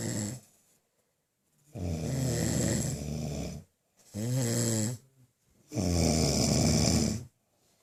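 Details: Two adult men snoring in their sleep, compiled: loud, harsh snores in separate bursts with silent gaps between.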